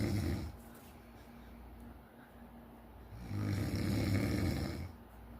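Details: Acted snoring in a Spanish-language comedy sketch: loud, deep, rumbling snores in two long bursts with a quieter stretch between.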